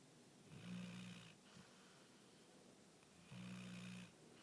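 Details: Two low, buzzing snores with a steady vibrating tone, separated by a quieter pause between breaths: snoring.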